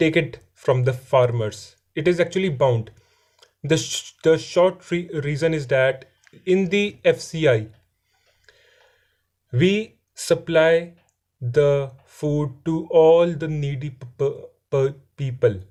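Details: Adult man who says he stammers and is improving in his stammering; stuttering.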